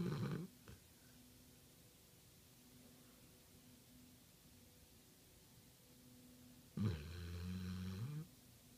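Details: Pit pinscher dog sleeping: two rough, low snoring breaths separated by a quiet pause; ordinary snoring.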